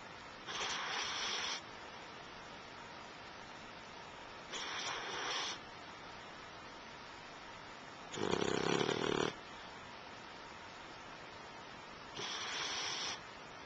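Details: Four rasping snores about every four seconds, roughly 15 breaths a minute, one louder and deeper than the rest; steady loud sleep snoring.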